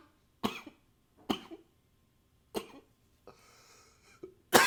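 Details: Three single dry coughs about a second apart, then a brief nose blow and a final louder cough, recorded with a high-fidelity microphone; repeated coughing.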